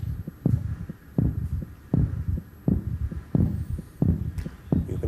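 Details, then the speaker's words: Adult man attempting to raise his heart rate at will, heartbeat via microphone with ECG monitoring: regular low thudding beats about 85 per minute, rising from 78 toward 89; fast-normal heart rate. "we're going to listen to his heartbeat through this microphone i'm going to place there you're now going to start raising it right"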